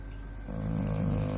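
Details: Sleeping man recorded by his wife, snoring loudly: a low, rattling snore that builds through one breath in.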